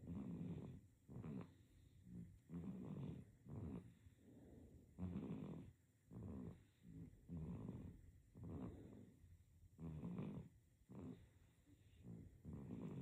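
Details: Sleeping baby with rhythmic rough snoring on the breaths, roughly 12 breath cycles in 13 seconds; infant snoring.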